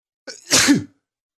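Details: Morning allergy flare-up with sniffling and stifled sneezes: a short intake of breath, then one forceful allergic sneeze.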